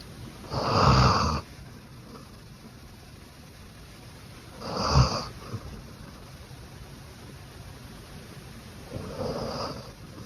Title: Cute Beagle Snoring in Her Sleep